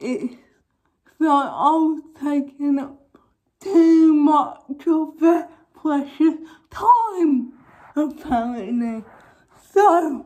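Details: Young woman with cerebral palsy causing involuntary movements, recently fitted with braces on top and bottom teeth; dysarthric speech.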